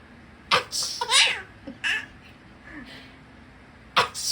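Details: An adult imitating a sneeze in front of a baby: a sharp fake sneeze, followed by the baby's giggling laughter and a second sneeze.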